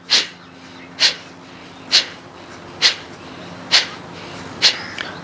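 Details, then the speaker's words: Kapalbhati yoga breathing exercise ("artificial sneeze"): six sharp, hissing, forceful nasal exhalations at about one per second, with the belly pulled in and the breath thrown out to release head pressure. "है पेट पीछे और सांस को बाहर फैंक किए हैं"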